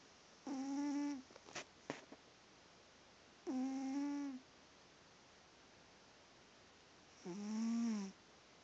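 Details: Sleeping cat opens an eye but keeps sleeping: three drawn-out, tonal snores on breaths a few seconds apart with quiet pauses between; pet snoring.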